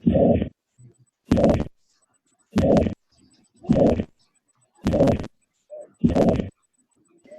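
Slow regular heartbeat, about 52 a minute, each beat carrying an even, sustained blowing murmur through systole: a holosystolic mitral regurgitation murmur.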